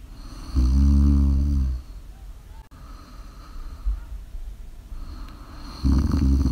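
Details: Live snoring recording of a sleeping person: deep, low, rumbling inspiratory snores, with two loud bursts separated by quieter breathing; heavy snoring.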